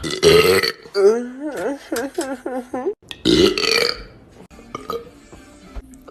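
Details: Person burping voluntarily: loud belches, one broken into a rapid warbling series of gulps, then another long belch.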